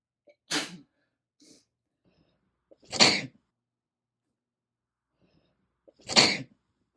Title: Sneezing from my late summer cold